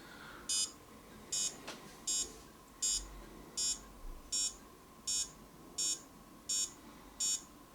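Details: Short, regular high beeps, about 80 a minute, from a HYLOGY fingertip pulse oximeter on a user's own finger during a self-test reading that showed 94% oxygen saturation; pulse oximeter beeping.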